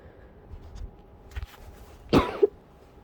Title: muffled coughing into pillow, trying to be quiet!